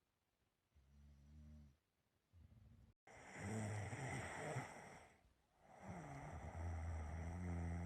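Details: Person's own snoring during sleep: low, droning, buzzy breaths rising and falling, with one long rough snore in the middle.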